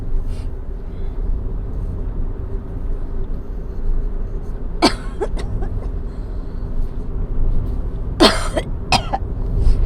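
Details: Person with asthma, flare while driving: two bursts of harsh coughing, throat clearing and spitting up phlegm over steady road noise; cough.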